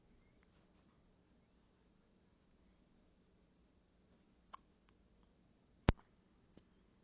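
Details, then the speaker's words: Quiet room with a few brief, sharp clicking gulps, one much louder; hiccups in a dog. "Honey, do you have the hiccups? I'm sorry. I'm sorry. Oop, oop, here comes the next one."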